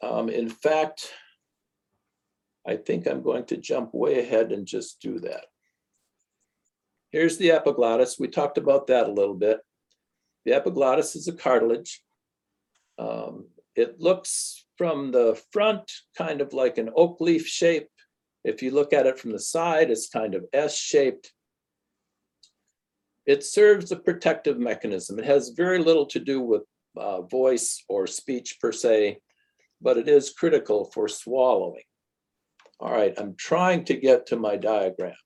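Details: Adult lecturer; typical speech.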